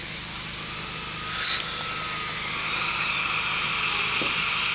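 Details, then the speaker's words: Steady high-pitched dental drill whine with water-spray hiss as a Metalift bur cuts all the way through the metal of a crown. The crown is being removed from a lower left first molar with failed root canal treatment and a distal-root abscess. "okay then the next step is to go through here with a metal lift Bur"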